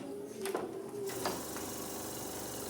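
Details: Suction machine switched on during tracheostomy care training demonstration: steady whirring hum with some handling noise in a small room as the suction unit starts up.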